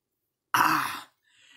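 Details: A single harsh, rasping throat-clearing burst lasting about half a second, then silence, while pulling on the tongue as a hiccup remedy, which the person says really hurt.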